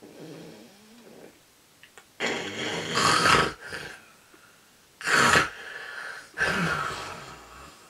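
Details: Loud, rough, rattling snores, mostly on the in-breath, repeating every couple of seconds during sleep; snoring.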